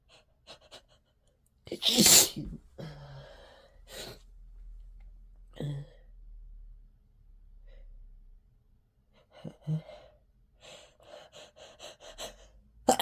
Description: I think stress got to me and I caught a cold. My nose is so itchy, I induced these out just to satisfy the tickle for a little while.